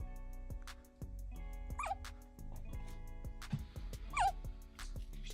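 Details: Hiccups in a 3-day-old baby girl: two brief, high, squeaky yelps like a puppy's yip over background music.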